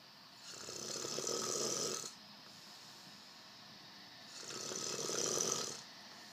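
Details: Snoring: two long, hissing breaths with a low rattle and a quiet pause between them.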